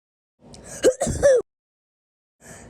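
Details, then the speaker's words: Acted comedy sketch sneeze: a sharp indrawn gasp followed by a single explosive sneeze burst from a person claiming to be sick. "Oh no, get away from me, dude. I'm sick. I sneezed."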